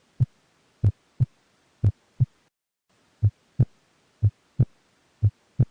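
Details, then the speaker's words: Normal heart sounds in regular sinus rhythm: paired low lub-dub thumps, steady at about 60 a minute with no extra sounds; an educational audio clip in an NCLEX-PN nursing exam review. "you may also hear audio clips of heart sounds such as a regular sinus"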